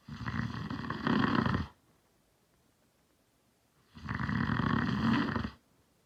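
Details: Two loud, rough, rattling snores about two seconds long with a quiet gap between, from an adult man sleeping; ordinary heavy snoring.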